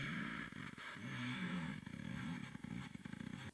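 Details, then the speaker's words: Coarse breath sounds via stethoscope, from a respiratory therapist's explanation: a loud, low rumble through the breath, not at the upper airways but more distant; often heard in pneumonia or trouble clearing secretions. "when you put course on a patient it's just a loud rumble that you hear but it's not necessarily at the upper airways it's a little bit more distant"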